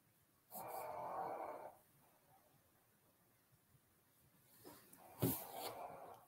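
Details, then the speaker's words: A pug snoring in the room during a live studio stream. "and there is a pug in the room snoring if you hear that"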